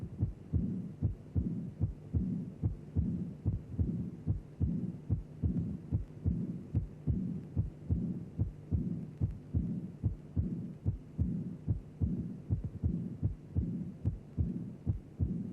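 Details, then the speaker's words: Early diastolic murmur in a cardiac auscultation teaching programme: regular heartbeat near 73 a minute with a soft, high-pitched murmur beginning inseparably at the second heart sound. "immediately after the second sound you can hear a high pitched soft murmur it begins with the second sound you cannot separate them therefore it is an immediate or early diastolic murmur"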